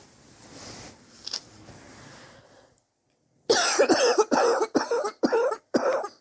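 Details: Run of about six harsh, rapid coughs after a quiet breath in a small room; persistent chest cough over several weeks, self-suspected bronchitis, X-ray planned to check for pneumonia.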